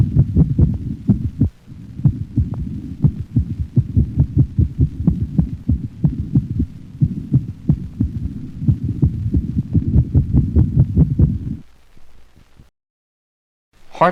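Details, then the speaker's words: Dog heart auscultation: sudden rapid bursts of heartbeats of similar intensity, duration and frequency abolish the slower normal rhythm, interspersed with it; paroxysmal ventricular tachycardia. "the next sound demonstrates paroxysmal ventricular tachycardia interspersed with a slower normal rhythm"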